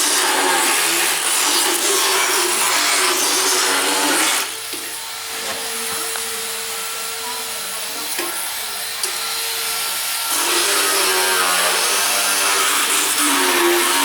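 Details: Steady grinding, rasping motor noise with a brief lighter pause: a motorized power float files the teeth of a sedated horse during a veterinary equine dental exam.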